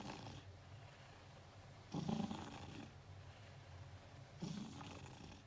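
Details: Cat sleeping beside its owner at work: soft, low snoring breaths, about two in five seconds, against steady background room noise; cat snoring.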